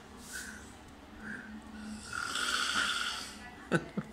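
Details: Adult male friend snoring loudly while asleep in a dining room at 5 a.m. Described as extremely loud snoring.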